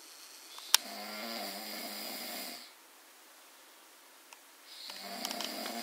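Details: Baby snoring at 2:10: two rattling, buzzing snores about four seconds apart with a quiet gap between; plain snoring.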